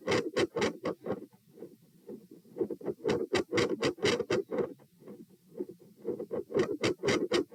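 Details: Fast heartbeat, 120 bpm, recorded at position P; first and second heart sounds swing from loud to very quiet, with near-silent stretches: tachycardia with extreme heart sound intensity variation.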